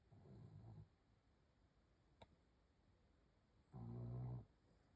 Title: Blue snoring last night